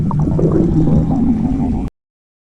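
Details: Low, continuous rumbling and gurgling for about two seconds; ordinary stomach growling (borborygmi).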